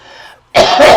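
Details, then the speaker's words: Adult man coughing once after an exclamation, saying something made him cough: a single loud, harsh cough burst after a quiet lead-in. "Sorry. That actually does make me cough."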